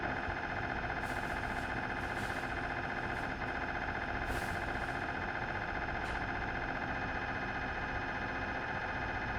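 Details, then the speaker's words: Philips 1.5T MRI scanner running, recorded inside the scan room: a steady loud mechanical drone with a tonal hum and occasional brief bursts. "Vì vậy, không chậm trễ hơn nữa, chúng tôi mang đến cho bạn bộ sưu tập âm thanh Philips MRI được yêu cầu cùng với trình hiển thị âm thanh."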